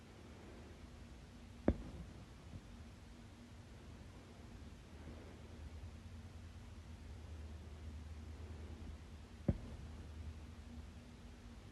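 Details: Person with a loud bout of hiccups: two abrupt, sharp hiccup clicks about eight seconds apart against a quiet, hissy room.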